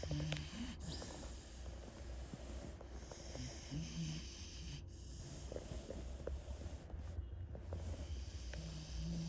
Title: Snoring dog sounds